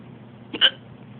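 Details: Drunk person home alone gives a single sudden, sharp, high-pitched gulping hiccup over low room noise; hiccups.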